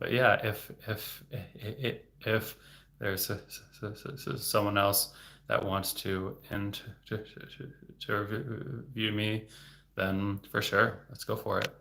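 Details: Adult man, a speech-language pathologist, who has stuttered since age eight and had speech therapy from childhood into his 20s; word and part-word repetitions; stuttering.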